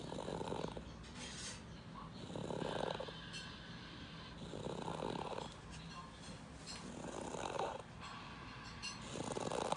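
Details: Sleeping baby aged 1 year 4 months: soft, rhythmic snoring on both in- and out-breaths, about 30 breaths a minute; snoring.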